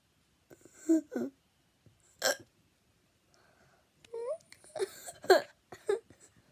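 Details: Repeated short, sharp voiced hics with brief squeaky catches in uneven clusters over a few seconds; typical hiccups.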